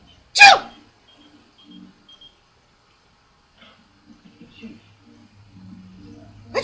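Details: Mother's single sharp, explosive sneeze, one of repeated sneezes used to prompt her dog to bark, followed by quiet room noise and faint low sounds.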